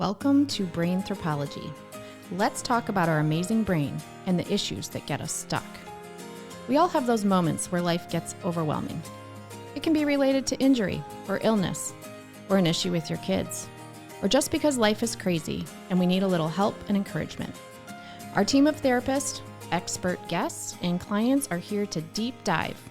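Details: Adult woman speaking over background music; ordinary speech.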